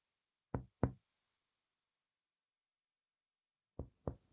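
Two pairs of quick finger taps on the front of the chest, each giving a low, hollow note with a brief ring rather than a flat thud. This is normal lung resonance, the expected sound over healthy air-filled lung.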